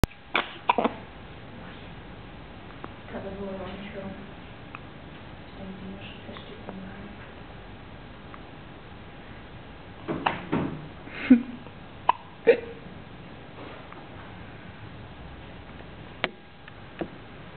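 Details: A young child gives short, sharp hiccups at irregular intervals, with soft voiced sounds between; hiccups.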